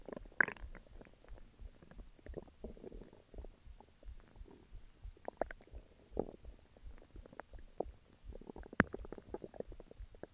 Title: Stomach growls